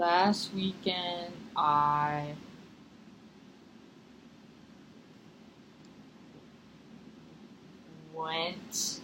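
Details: Stuttering blocks in a therapy session, the client practising releasing the stutter as cued by the clinician.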